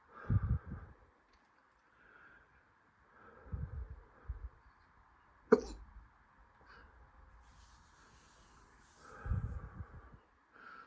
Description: Felt like hiccups were coming all day, I swallowed some air and eventually they started up!